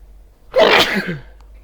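A single loud, explosive sneeze with a short, sharp burst of breath, then quiet.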